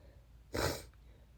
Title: wet sneezes (sniffles, false starts)